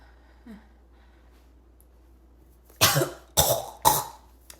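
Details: Three harsh, forceful coughs in quick succession after a quiet pause, with a rough, strained, choking quality: barking cough.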